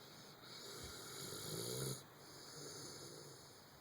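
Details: Sleeping dog lying on a couch after a long day: a soft, fluttering snore on the in-breath, with steady room hiss in the background.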